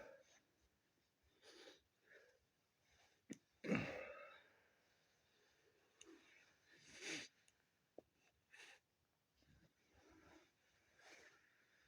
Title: Sneezing and nose blowing from my snotty cold